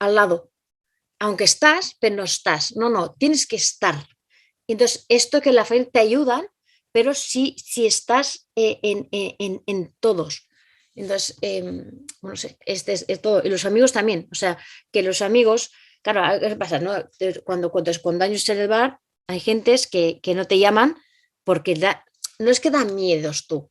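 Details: Adult Spanish-speaking woman with aphasia caused by a stroke some time ago, acquired brain injury. Finding: aphasia.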